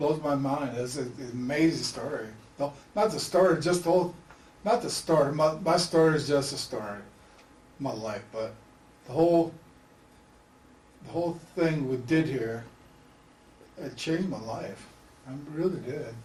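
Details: Man with aphasia after a stroke, a participant in a story co-construction project; aphasia.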